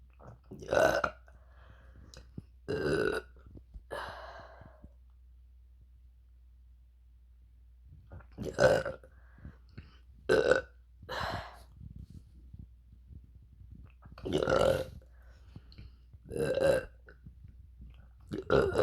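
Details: Deliberate burping performance: repeated loud, drawn-out throaty burps, about eight over nearly twenty seconds, with quiet pauses between.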